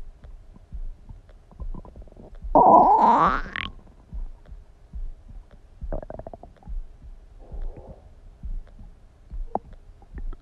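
Soft gurgles, one loud squeaky rising rumble and scattered bubbling pops, everyday stomach noises from gas and fluid in the gut.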